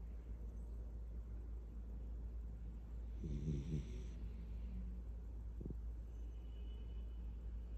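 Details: Light-sleeping child snoring while held in arms: over a steady low rumble, one soft snuffling snore and a brief snort.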